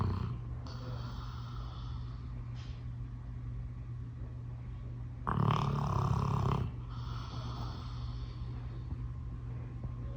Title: Loud Snoring Dog